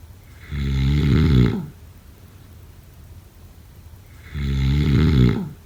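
Two long, deep, rumbling snores about four seconds apart, on the in-breath, with quiet gaps between: loud sleep snoring.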